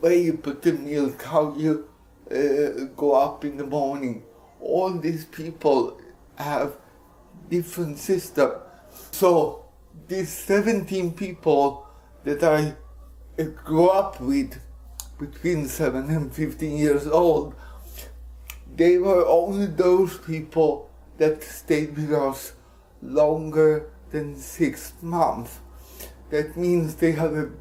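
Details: Dysarthria in an adult Swedish man with cerebral palsy, speaking English.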